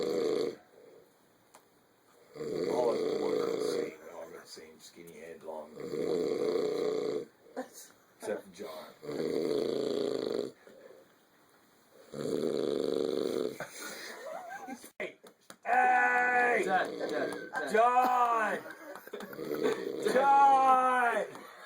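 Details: Man asleep after 24 hours of travel in a car gives loud, regular rasping snores about every three seconds and cannot be woken by slapping or yelling; a voice then calls out nearby.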